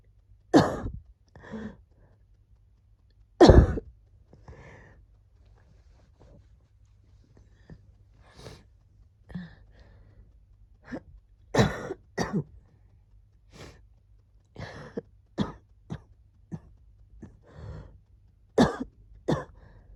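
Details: Repeated short, sharp cough or sneeze-like bursts from ayu, a small animal with a cold, recorded as the wheezing was settling, quiet pauses between; cough during a cold.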